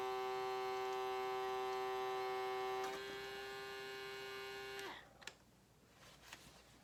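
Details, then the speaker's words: Powered nasal irrigation device in use: both nose pieces sealed in the nostrils, unit held level, user breathing through the mouth. A steady motor hum changes pitch, then stops, followed by faint gurgles as saline is drawn through the nose. "stick them in your nose till it's sealed on both sides like that press your power switch keep it level"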